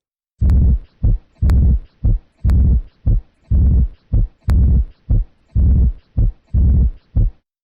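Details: Diastolic murmur.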